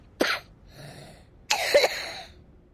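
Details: Two short, harsh, acted coughs from a child, with a quiet breath between them, in an anti-smoking message about children breathing cigarette smoke.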